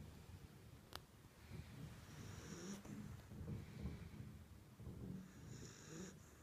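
Soft, low, rattly breathing noise with faint whistly snorts, quiet snoring from a sleeping pet, likely a cat.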